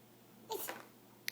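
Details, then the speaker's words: Baby girl sneezing while blowing kisses: a single brief, hissing sneeze burst. "I gotta sneeze but you do you have to sneeze at to"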